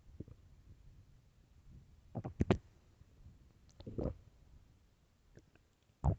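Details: Low gurgling rumbles with squelching clicks: loud stomach growling from gas and fluid moving through the gut; borborygmi.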